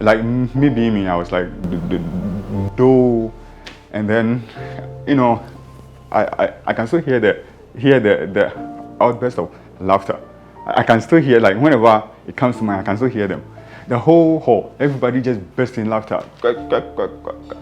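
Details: Adult who stammers, speaking in real life about his or her own experiences; stuttering (stammering).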